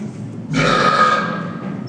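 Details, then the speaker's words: Recorded burp played from a science museum exhibit on human body sounds: a single loud, drawn-out burp lasting about a second. "let me hear burping and vomiting again buring Bob thank you"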